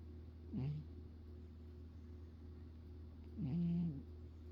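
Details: Sleeping cat snoring, recorded close to the ear: two short, low, buzzing snores over a steady low room hum.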